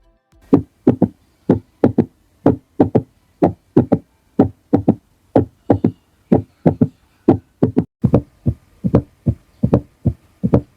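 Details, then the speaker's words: Cardiovascular physical exam teaching on identifying added heart sounds such as S3 and S4. A regular heartbeat in which some cycles carry an added third sound beside the two normal heart sounds: extra heart sounds. "Selanjutnya kita identifikasi bunyi tambahan. Apakah terdengar bunyi jantung tig? Bunyi jantung 4."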